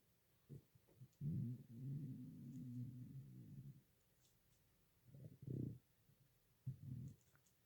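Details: Stomach growling (borborygmi): low gurgling rumbles, one long drawn-out growl followed by shorter bursts.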